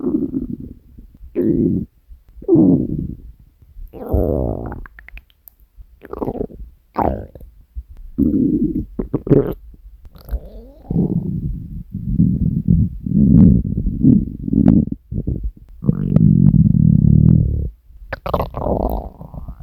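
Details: Hunger stomach growling (borborygmi) from the uploader's own stomach: loud, long gurgling and rumbling bursts with short pauses, a normal bowel sound.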